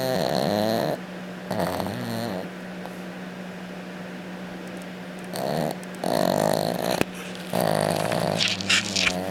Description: This is Baby sleeping/snoring.... and apparently dead to the world!!